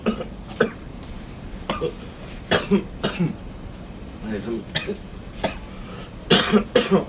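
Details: An adult gives a run of short, repeated acted coughs with brief voiced throat sounds between them.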